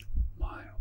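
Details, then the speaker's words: Adult's own heart heard through a stethoscope whose earpieces connect to a 3Dio binaural microphone, ASMR recording: two dull low thumps with soft whispery noise between; normal heart sounds. "the earpieces of the stethoscope are connected to the ears of this 3DO so you will be listening to my heart the way a doctor would"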